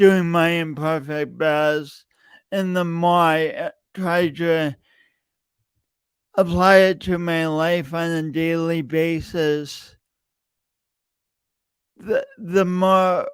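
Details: Stuttering (speech disfluency) in an adult male podcast host with a long-standing speech impediment that he denied for years; repeated words throughout his speech.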